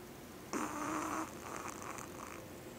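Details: Small Yorkie dog whose owners say she snores louder than any dog they have owned: a single snorting, buzzing breath under a second, then a softer rattle in a quiet room; snoring.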